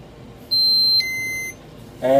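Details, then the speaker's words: Steady high electronic beep tones stepping in pitch from an enteral feeding pump during preventive maintenance testing, with the outflow line clamped; no-flow-out alarm. "there's the alarm for no flow out"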